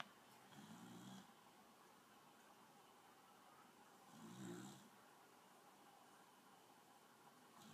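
Soft, low snores recur every few seconds over a faint room hum. Gentle snoring.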